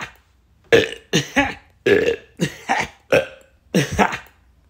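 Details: Six loud, throaty burps in quick succession with short silences between; repeated belching.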